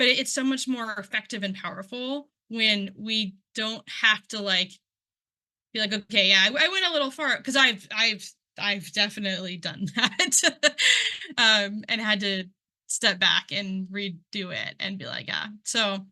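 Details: Adult who identifies as a person who stutters, presenting at a stuttering conference; word and part-word repetitions are heard; stuttering.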